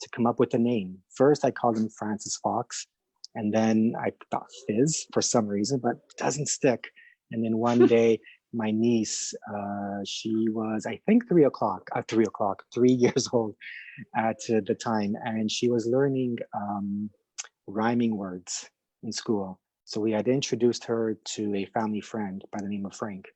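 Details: Adult man who stutters, speaking in a podcast interview; stuttering described as having both audible and hidden features; stuttering.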